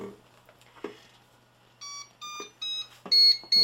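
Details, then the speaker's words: Repeated high-pitched alarm beeps from an Infant Flow CPAP system set up on a baby mannequin, sounding after power and flow are turned on while the heated humidifier warms up; expected during set-up. "okay and we're going to be getting alarms until uh the system warms up but this will allow us to this will allow us to have air flow going through allowing the heated humidifier down here to heat up and get prepared for the baby"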